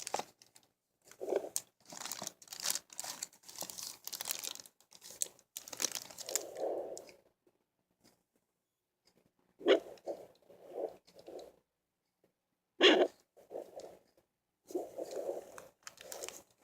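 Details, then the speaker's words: Adult's own heartbeat on a Sweetiesong pocket fetal Doppler, tried by the reviewer: rhythmic whooshing pulses about 105 a minute, with probe-scraping noise and silent gaps as contact is lost. "well that was my heartbeat I was just trying it out but that is how it sounds"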